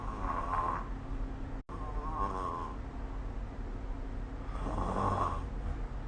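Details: Snoring recorded with the SnoreLab app: three loud, rattling snores on successive breaths, with a brief dropout in the recording.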